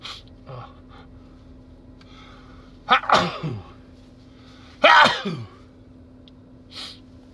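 Two loud, voiced sneezes about two seconds apart, each with a gasping intake and trailing vocal release; sneezing, here with a cold.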